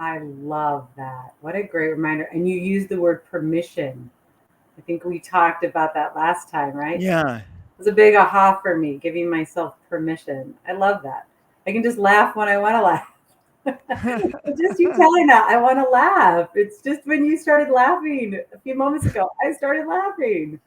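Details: Adult conversational speech, possibly two speakers; unaffected speaker.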